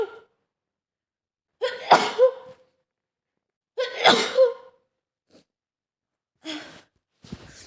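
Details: Simulated scenario, woman caught a cold after a storm: two forceful sick sneezes, each with sharp inhaled build-up and explosive release, then lighter sniffs.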